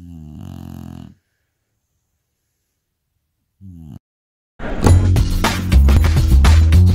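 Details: Bulldog with eyes wide open: a deep, rumbling snore on breathing in, a pause and a brief second snore, then loud music takes over: snoring.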